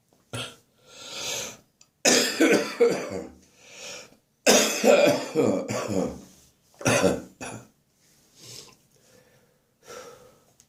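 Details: Harsh, wet chesty cough in morning bouts with throat clearing and raspy breaths between, during a spring cold; the cough is described as becoming more chesty and wheezing.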